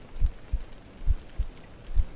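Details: Heartbeat played as an ASMR trigger during a soft-rain ASMR livestream with water and paper triggers: soft, low, paired thumps at about 70 beats a minute over faint, quiet background noise.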